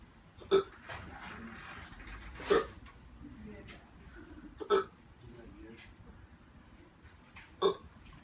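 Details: Four sharp, abrupt hiccups about every two to three seconds in a quiet room, in a man on day 8 of constant hiccups, who later had breathing difficulty and went to hospital; persistent hiccups.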